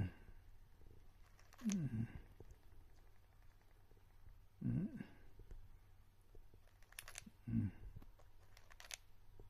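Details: Three soft, rough snoring bursts from an elderly lovebird, about 20 per minute, in a quiet room with faint background hiss.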